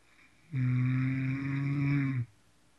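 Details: Snoring: a single long, loud, low rumbling breath sound in a quiet room.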